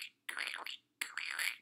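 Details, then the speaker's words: Two short crackly hissing bursts imitated by mouth, demonstrating the discontinuous crackles of rales arising at the alveoli, attributed to fluid overload. "rails are crackly noises they occur at the level of the alveoli they are discontinuous because if you've ever heard what the crackling noise sounds like it's not one continuous sound"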